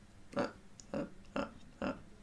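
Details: Man with severe Tourette syndrome, raven/crow-like vocal tic lasting two to three hours, hurting his throat and leaving him temporarily unable to talk; vocal tics (Tourette syndrome).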